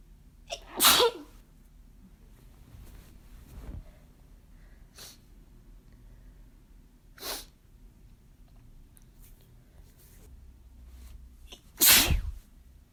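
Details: Deliberate attempts at "girly" sneezes that came out too strong: several explosive sneezes of varying force over about thirteen seconds, the first and last loudest, in a quiet room.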